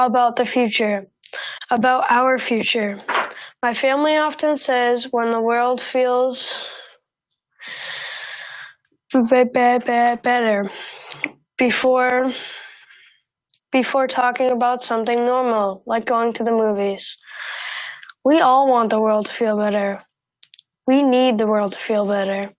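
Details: 13-year-old boy who stutters, giving a pre-recorded public speech; stuttering.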